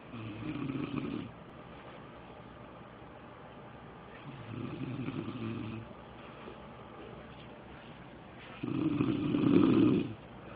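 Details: Adult man asleep, partner recording: three rough, rattling snores on the in-breath, about four seconds apart (roughly 15 breaths a minute), quiet room noise between: snoring.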